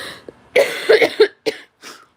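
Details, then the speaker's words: Adult, sick for about a week and a half, has a brief coughing fit: a quick gasp, about four harsh coughs, then a sniff; cough. "Hey, I'm I'm sick. Yeah, I've been sick since a week and a half ago."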